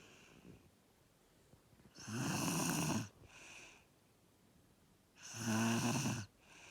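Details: Snoring during sleep: two loud, buzzy, rattling snores on breathing in, each followed by a softer breath out, about 19 breaths a minute in a quiet room.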